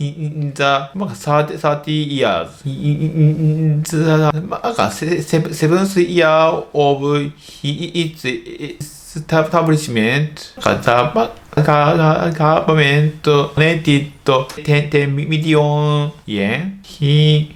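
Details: Stuttering (childhood-onset fluency disorder, a developmental disorder) in an adult male medical doctor who stutters.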